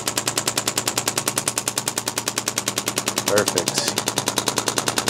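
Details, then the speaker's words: Rapid, steady mechanical tapping at about 200 a minute, with brief talk, from a radial shockwave device on an adult man's right neck as he rotates his head, in the final seconds of the session. "all right guys well the shock wave is just about to turn itself off now so this was another successful Shockwave session for us"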